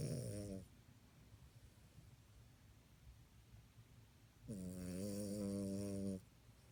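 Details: French Bulldog snoring while asleep, then waking up startled.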